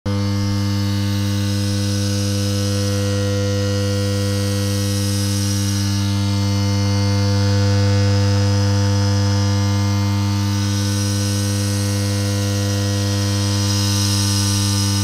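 Continuous low motor hum with a steady airy hiss, slowly swelling and fading: a nebulizer compressor running.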